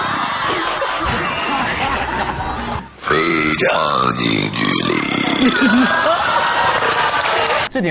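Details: Adult man performing long, loud, drawn-out voluntary belches with a deep rumbling voice quality, over background noise and talk.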